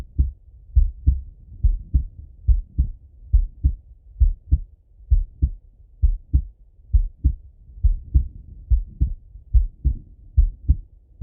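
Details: Male heart auscultated with a stethoscope, recorded partly sitting at a desk and partly lying in bed: steady lub-dub about 70 a minute, clear paired sounds, no added noises; normal heart sounds.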